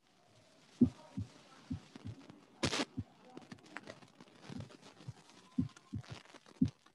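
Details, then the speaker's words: Auscultation teaching recording: low heart thumps, first three normal beats, then an added right-sided third heart sound (S3), then a soft tricuspid regurgitation murmur, described as severe, with cyclic variation on inspiration. "So in this case, you will hear first three normal beats, then a third sound will be added, and then the tricuspid regurgitation with cyclic variation due to inspiratory maneuver will occur."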